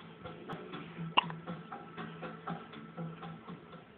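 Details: Infant making noises and having hiccups: a single sharp, abrupt catch of breath over a low background hum and soft rhythmic ticking.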